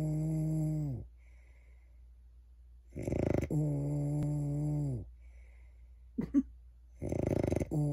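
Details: Man snoring during sleep: repeated drawn-out buzzing breaths, some harsh and rattling, separated by short pauses.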